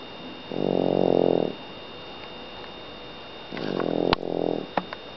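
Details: Toffee, a sleeping French bulldog, gives two loud rattly snores about three seconds apart over a faint steady hum: snoring.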